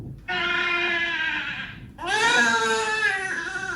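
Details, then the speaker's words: Infant crying: two loud, high-pitched cry bursts with a harsh, grating, rough-edged, distorted quality, played as an example of an unpleasant distorted sound. "so if you pay attention to this baby crying you'll hear that it's"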